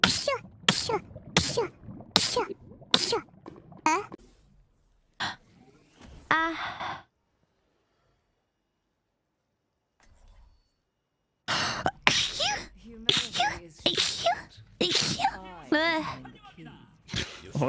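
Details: A run of short, sharp bursts of air between voiced bits and quiet gaps, from a sneeze compilation: a series of sneezes.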